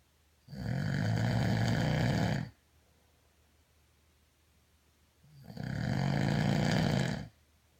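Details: Two long, loud rattling snores about four seconds apart, with quiet pauses between them; ordinary snoring.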